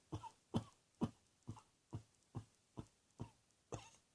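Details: Nine short, sharp coughs in a rapid run over about four seconds in a quiet room; cough.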